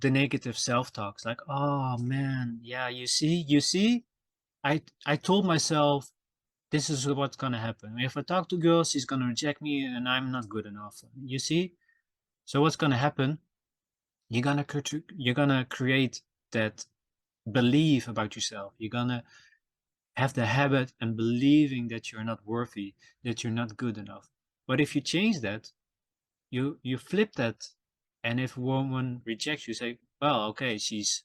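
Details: Self-reported stuttering in a male podcast host, who says his stutter can be heard in his episodes; stuttering.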